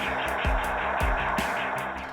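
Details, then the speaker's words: Doppler heartbeat of a pet chicken under anaesthesia, monitored during surgery to remove a lump: pulsing whooshing beats, roughly two per second. "he's monitoring Houdini's vital signs with vet nurse tutor Caroline when she's unconscious you will start to monitoring her anesthetic for us Josh uses a thingamajig called a Doppler"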